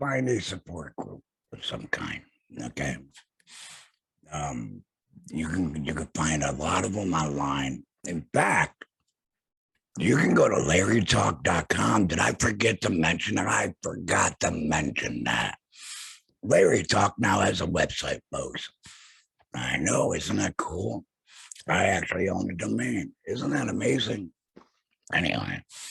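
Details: Adult male laryngectomee after throat cancer, vocal cords removed; alaryngeal speech after laryngectomy.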